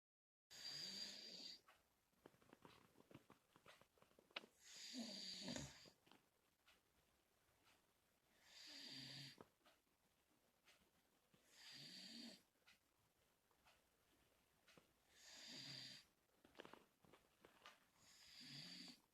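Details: Slow, regular rattling snores with a breathy hiss, about 16 breaths a minute, in a quiet room.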